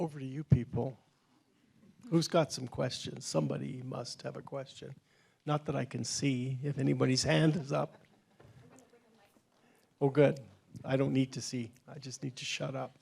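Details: Adult man; plain speech.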